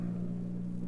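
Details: A practiced infant cough, from a 1967 recording of baby sounds.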